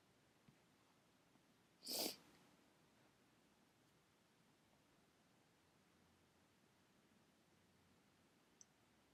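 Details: Single short, explosive morning sneeze in an otherwise quiet room.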